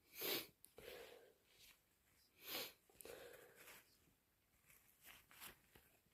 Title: Super snotty cold sniffles and blows!